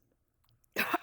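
A near-silent stretch ends in one short, sharp adult cough, a single harsh burst with a slightly throaty, voiced edge.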